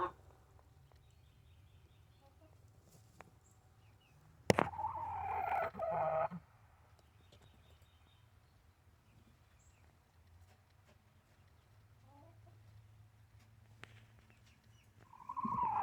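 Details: Chicken gives a harsh, whistling, raspy breath twice against quiet room hum; wheezing.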